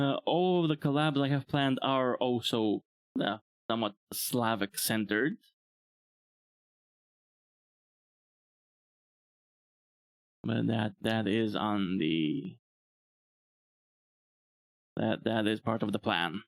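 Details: Adult male who reports that he stammers all the time: stuttering.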